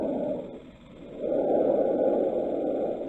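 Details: Simulated auscultation over the trachea in a lung sounds teaching practice: harsh, hollow tracheal breath sounds with quieter gaps between breaths; normal tracheal breath sounds.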